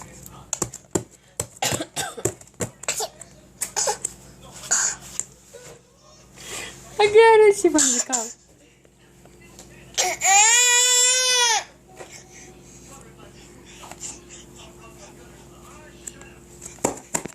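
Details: Young child mimicking an adult's cough: two voiced, cough-like bursts, imitation rather than a real cough.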